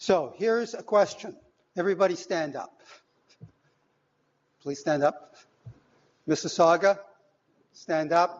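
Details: Adult male lecturer; Normal speech.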